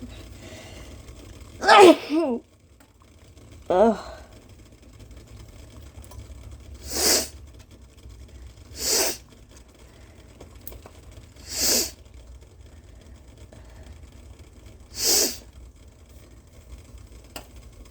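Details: Sneeze while leaning over steam, then nose blowing into a bandana: a voiced sneeze with a smaller follow-up, then four short hissing nose blows into cloth.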